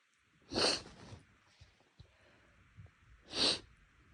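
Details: Person with an itchy, tickly nose over a couple of days: two sharp, hissing sneeze bursts about three seconds apart, with soft sniffing and snorting between them, in a quiet room; sneezing.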